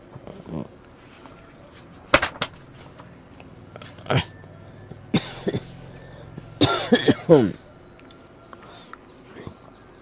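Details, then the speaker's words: Adult's several short, harsh cough bursts separated by pauses, over a low steady room hum, during a live radio Dharma talk; speaker apologizes for having a cold and cough. "ได้ยินเสียงหวัดเสียงไอนะต้องขออภัยญาติโยมทั้งหลายด้วย"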